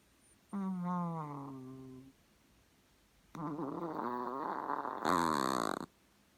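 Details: Small dog named Max sleeping on owner's lap: two drawn-out, tonal, wavering breath noises, one softer and one louder and rougher; snoring.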